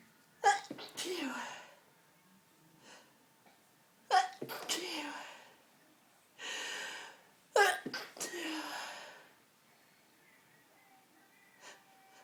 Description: This is what happens if you drop and smash your pepper pot! Started recording these after clearing up the mess......... i was then in a mess!!